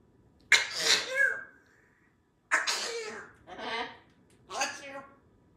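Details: African Grey parrot sneezing in pollen season: a sharp sneeze-like burst followed by short vocal phrases, the parrot saying "bless you".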